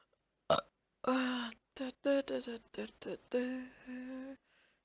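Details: Compilation of burps recorded over a year: a series of loud, drawn-out, throaty belches with short pauses between them; repeated burping.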